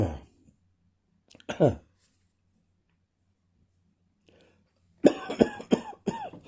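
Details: Lingering cough continuing after a viral illness: several short, voiced cough bursts with throat clearing; post-viral cough.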